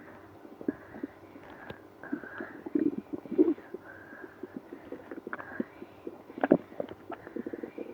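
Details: Active bowel sounds, stomach growling after drinking milk and prune juice with irritable bowel syndrome (IBS): gurgling, squeaky rumbles and irregular pops from the belly.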